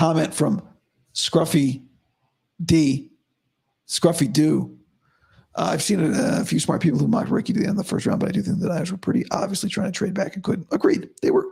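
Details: Adult male host about five to five and a half weeks after vocal fold surgery, voice improving daily but likely unchanged from yesterday after heavy voice use and no sleep; dysphonia after vocal fold surgery.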